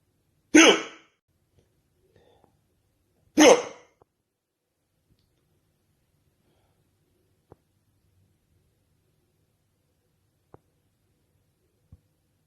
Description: I catch the hiccups again lol